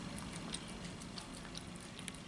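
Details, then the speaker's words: Small pet bird just after feeding, which the owner says has been having asthma attacks lately: faint, irregular sharp beak clicks over steady low room noise. "On l'entend claquer du bec, petit bonhomme."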